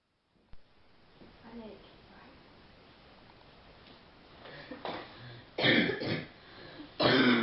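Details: Real, unacted chesty cough from an adult woman during a phone call, said to be worst at night when lying down: a few loud, harsh, deep coughs in close succession after a quiet stretch.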